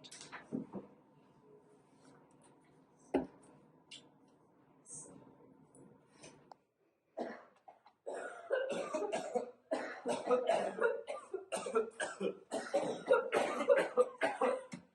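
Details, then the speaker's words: Acted bursts of harsh, repeated coughing with throat clearing, portraying a college student's cough from a cold-like upper respiratory infection. "An illness that contains flu and cold-like symptoms, affecting primarily your upper respiratory tract."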